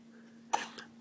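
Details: A single short, sharp cough from a child, followed by a faint softer after-sound, over a steady low room hum.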